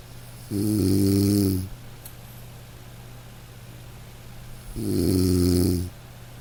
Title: Dog snoring - to fall asleep - light rain - black screen - nature sounds